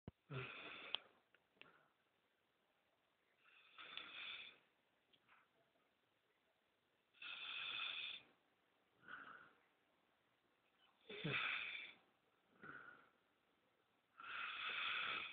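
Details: Bullmastiff/Shar-Pei mix dog snoring: repeated hissing, whistling snores on the in-breath with short snorts on the out-breath, about 17 breaths a minute.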